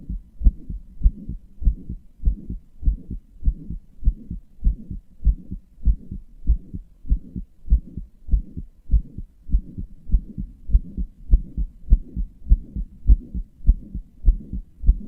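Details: Person's own heartbeat, self-described as a weak, inefficient heart that murmurs and palpitates; steady rate near 100 a minute with a soft whooshing sound between beats, a heart murmur.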